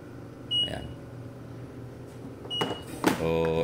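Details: Short electronic beeps over room noise and machine hum from a new Philips Respironics oxygen concentrator, being checked for oxygen purity (about 97–98%) with an Envitec oxygen monitor; device alarm, apparently from the removed humidifier bottle.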